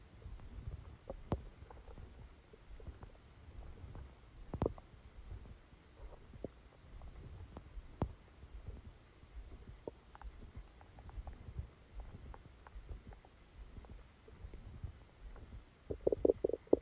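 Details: Frequent low gurgles and squelching rumbles with occasional louder bubbling bursts: active bowel sounds during a stomachache after Christmas dinner, recorded while the person slept.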